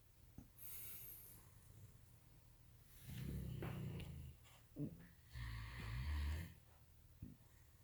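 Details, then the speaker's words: Several sleeping dogs snoring: soft, uneven low snores with a few snorts in a quiet room. "There's all these dogs snoring. Who is? Tank."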